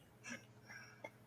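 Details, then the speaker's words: Adult speaker about 21 hours without eating, hungry after cannabis, hears his stomach bark: two brief, quiet squeaky bark-like gurgles against faint room noise; stomach growling (borborygmi), a normal gut sound. "guess i need to eat something you're like did you hear that too it's my stomach oh my god that wasn't the chair making a mouth"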